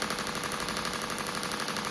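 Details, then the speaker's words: Radial shockwave therapy self-treatment on own shoulder (old humeral head injury, fascial pain), about one bar, 12 Hz, about 2,000 shots moved over soft tissue: rapid steady clicking over a constant hiss; device firing. "So, I'm just going to move that over that soft tissue rather than keeping it in one place. So, we're doing it about 2,000 shots. About It's about one bar."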